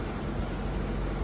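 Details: Continuous low rumbling motor and airflow noise of a heavy-duty 10 LPM oxygen concentrator running after switch-on.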